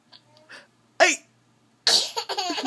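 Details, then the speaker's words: A person with ongoing hiccups: a sharp, abrupt voiced catch, then giggly vocal sounds; a single hiccup. "another one coming I heard it he cuts he's got hiccups look I heard that one just keep coming what is it hiccups mm-hmm one more even trying to force it out huh"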